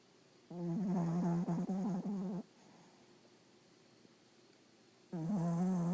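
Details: A small dog gives two loud, deep, rattling snores separated by a quiet breath out, sounding much like a human snore.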